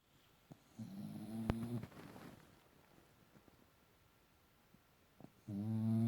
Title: Little dog...BIG SNORE!!